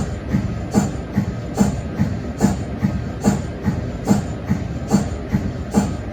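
Steady rhythmic chuffing pulses, about 72 a minute, over a low hum: the normal cold head sound of an MRI scanner's helium cooler.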